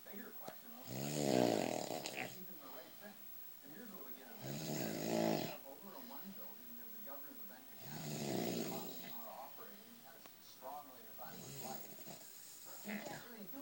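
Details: An adult man snoring loudly, as he does every night: loud, rattling snores recurring every few seconds, with grunting, throaty noises between them; heavy snoring during sleep.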